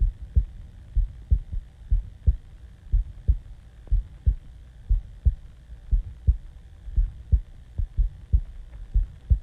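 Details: Own heartbeat recorded just after waking from sleep: steady, muffled lub-dub thumps at about 60 beats a minute with a low hum behind; normal resting heartbeat.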